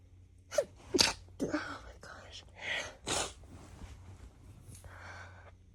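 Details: Woman newly exposed to a roommate's cat, apparently very sensitive to it: several sharp sneezes in quick succession with breathy intakes between; allergic sneezing.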